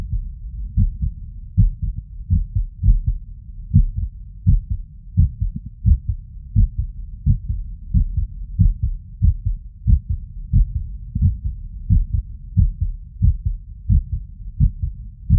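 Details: Heart sounds auscultated over the tricuspid valve area with the stethoscope membrane after physical exertion, with an irregular rhythm (arrhythmia).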